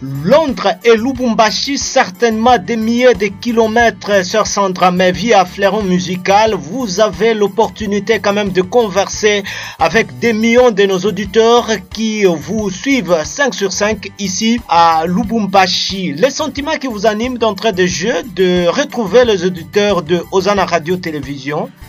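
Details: Adult male radio host; normal voice.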